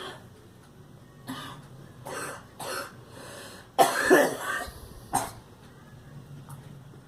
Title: Girl coughing